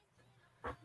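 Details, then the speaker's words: Sleeping dog snoring loudly: a single loud, rough snorting breath rising briefly above quiet room noise. "What's even not getting out is how loud your dog is snoring. Oh, she's over here fucking calm."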